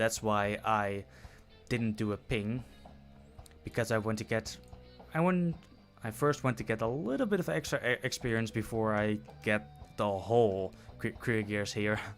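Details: Adult male who self-reports stuttering in his speech; stuttering.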